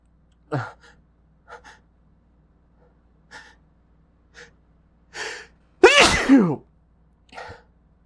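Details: Induced sneezing (the person says it tickles): several short breathy inhalations build up, then a loud explosive sneeze with a voiced cry, followed by a softer breath.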